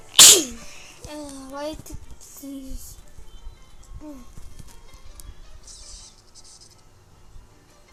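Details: One sharp, explosive sneeze while playing a burger-cooking video game, followed by a child's voice and game music in the background.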